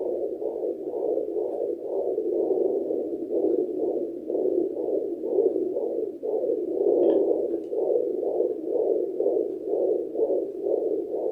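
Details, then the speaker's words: Rapid, regular whooshing fetal heartbeat at roughly 140–150 a minute on a home fetal Doppler at 34 weeks of pregnancy, using body lotion instead of gel, after the mother ate a large meal; no hiccups heard. "Enjoy the amazing experience of hearing your baby's heartbeat and hiccups."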